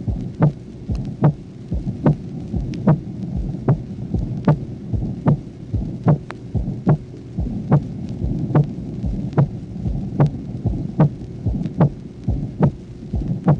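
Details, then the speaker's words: 1966 teaching auscultation record, tracing 1: patient with arterial hypertension; regular heartbeat about 73/min with a loud, drum-like (tambour) aortic second heart sound. "Le premier exemple, correspondant au tracé numéro 1, est un éclat en tambour du deuxième bruit aortique rencontré chez un malade souffrant d'hypertension artérielle."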